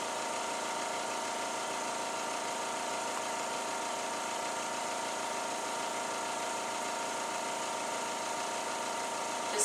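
Steady mechanical hum of a suction machine running while a catheter is fed into a tracheostomy.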